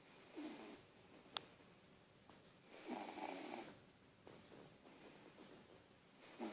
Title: Bichon Cody Snoring